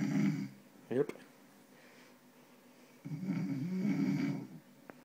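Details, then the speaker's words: Father snoring while asleep, recorded with a microphone and played through a speaker; two loud, rough, low rattling snores with a quiet pause between them. "There's the speaker, microphone cable, microphone, and snoring dad. That's loud."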